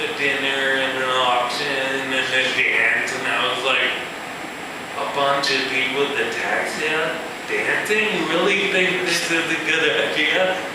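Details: Man with ataxia, a progressive neurological disorder in which cerebellar cells die, affecting his balance and speech; he says his speech has improved; real ataxic dysarthria.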